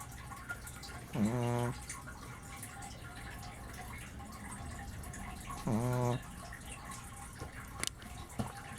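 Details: Two loud, buzzing snores about four to five seconds apart from a sleeping Brussels Griffon dog over steady room noise; snoring.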